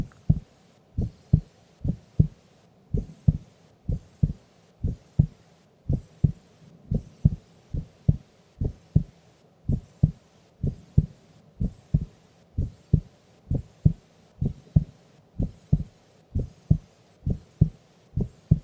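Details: Sleeping adult female during an afternoon nap: steady, regular lub-dub heartbeat at about 70 beats a minute with no extra sounds; normal resting heart sounds.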